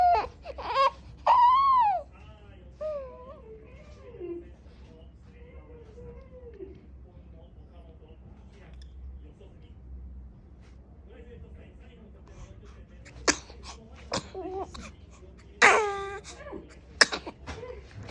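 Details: Two-month-old baby gives rising fussy cries that fade into soft whimpers, then several sudden, sharp sneeze-like bursts near the end; infant crying with sneezing.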